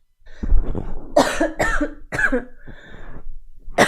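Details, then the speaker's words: Girl coughing, a run of several harsh, forceful coughs in close succession in a quiet room; she says she coughs a lot all night. "man, I cough so much all night."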